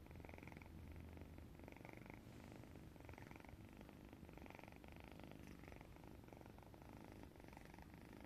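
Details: Steady low rumbling with a soft rhythmic flutter on each breath, much like a purr: a sleeping cat snoring.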